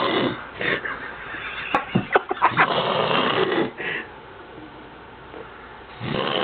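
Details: Sleeping man: rough, rattling breaths with snorting bursts during sleep, over background music and noise; snoring.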